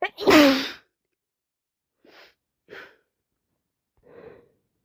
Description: had 3 colds in row which all been snezzy its now turned into sinusitis so full of it just sneezing and sneezing and blowing